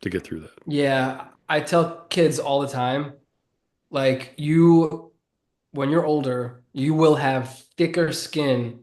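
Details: Adult man who has stuttered since childhood and says it is audible in his speech; stuttering.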